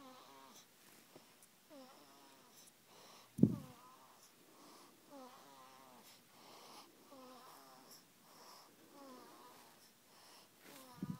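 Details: Snoring on day 28: regular rattling, fluttering snores on each breath, about 30 breaths a minute, with a couple of louder knocks; steady snoring during sleep.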